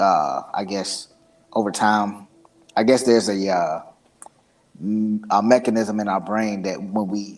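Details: Man who stutters and describes using a Bluetooth earpiece speech device; stuttering.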